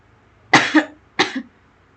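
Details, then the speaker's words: Two short, harsh coughs from an adult who is unwell with a sore throat and says she coughed throughout the recording; faint room hum behind. Cough. "Mohon maaf juga karena saya batuk-batuk terus dari awal video sampai akhir."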